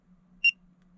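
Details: A single short, high electronic beep from a MED LINKET AM801 fingertip pulse oximeter during a reading, over faint background hum; the device measures SpO2, pulse rate, perfusion index and temperature.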